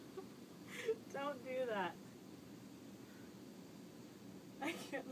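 Two short, abrupt gulping sounds about four seconds apart, with a brief voiced sound between them: hiccups.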